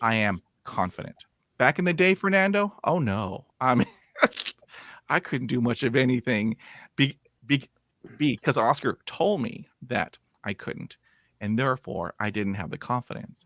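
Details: 51-year-old man with lifelong stuttering, after 20 years of speech therapy; he reports improving from zero to about 80 percent but still blocking and repeating, with frequent "um" fillers and repeated words; stuttering.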